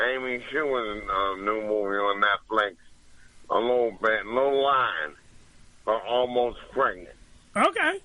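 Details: Adult man after two strokes, with his voice affected after the second, about two years of recovery and speech therapy with word-repetition practice; post-stroke speech impairment.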